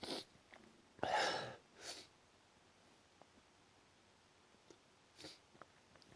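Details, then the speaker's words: Several forceful sneezes in quick succession with quiet pauses between, a run of repeated strong sneezing the person says they cannot stop. "Fuck. Wish I could stop. So strong."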